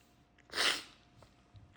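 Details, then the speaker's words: Person sneezing repeatedly after sniffing sneeze powder into the nostrils: a single sharp, explosive sneeze with a brief breathy tail in a quiet room; sneeze. "Oh, I'm going to sneeze again. Huh. Huh."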